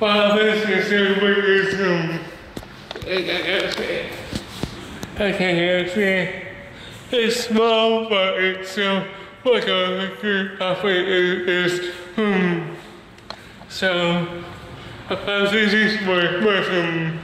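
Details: Male speaker with cerebral palsy and a speech disability; dysarthria (cerebral palsy).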